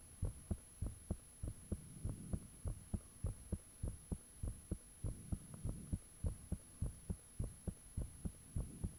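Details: Own heartbeat recorded with the fan off, shortly after it became unusually thumpy: loud, clear, regular beat at about 100 a minute with a steady low hum behind it; heart sounds.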